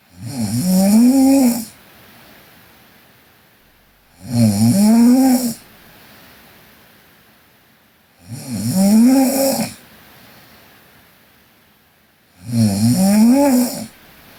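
Loud, rattling snores with each breath in, about 15 a minute, separated by quieter breaths out: steady heavy snoring.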